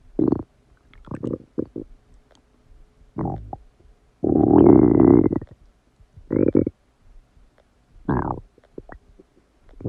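Loud, frequent gurgling and rumbling bowel sounds, with one long growl, heard after a meal.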